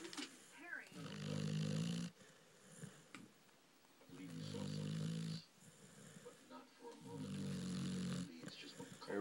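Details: Dixie snoring: loud, vibrating snores on each in-breath, about 20 breaths a minute, with soft snuffling between them.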